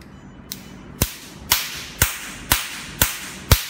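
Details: DM 9006A touch-screen Nd:YAG laser tattoo removal machine (532/1064/1320 nm wavelengths) firing: sharp, loud snapping pulses, evenly spaced about two per second.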